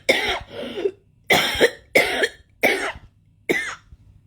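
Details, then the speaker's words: About six short, harsh dry coughs in quick bursts from an adult in bed who has had a persistent cough for several nights, first thought to be a cold or dust irritation; cough. "So yeah, I've been having a cough like ever since I went down to Bournemouth to see another TI, to see a fellow TI, that I started getting really bad coughs."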